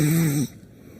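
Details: Vini, reality show contestant on a farm, sleeping: a single loud, low, buzzing open-mouth snore cutting off abruptly into quiet breathing; ordinary snoring.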